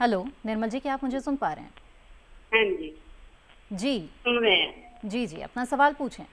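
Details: Adult women conversing over a phone line; normal speech.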